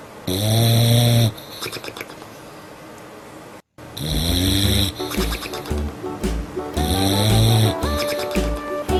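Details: Bulldog snoring in sleep while a kitten plays: loud, rough, rattling breaths recurring every few seconds under a children's song and clicking sounds.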